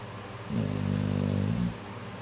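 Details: A dog snoring: one long, low, rumbling snore lasting about a second against a quiet room background.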